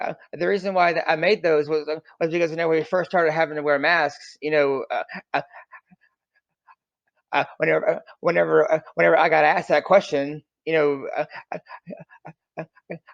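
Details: Adult man who stutters, with audible part-word and whole-word repetitions; finding: stuttering.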